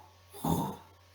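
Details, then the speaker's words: Pericardial friction rub described in a semiology lecture: a brief harsh, scratchy scraping like sandpaper or creaking new leather, heard over the precordium, more often at the base, mesocardium and apex, generally systolic. "Y estos son fenómenos acústicos soplantes, ásperos o rudos, comparados con el crujir del cuero nuevo o con el raspado de una lija."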